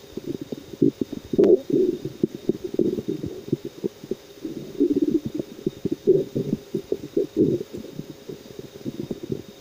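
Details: Irregular low rumbling and gurgling bursts with a steady background hum; ordinary stomach growling and bowel sounds of digestion.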